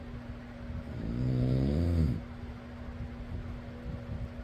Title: fan noise + person snoring.